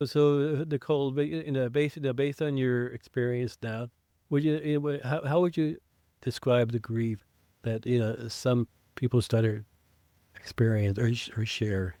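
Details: Adult man who identifies as a person who stutters, with blocks and prolongations, speaking in an English podcast conversation; stuttering.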